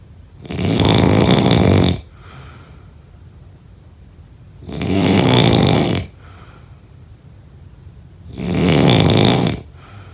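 Loud, rough snores on each in-breath, about 17 breaths a minute, with quiet breathing out between them.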